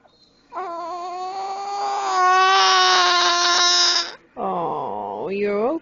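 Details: An infant who has the hiccups gives a long, strong wail, then after a short pause a second cry that rises in pitch; infant cry.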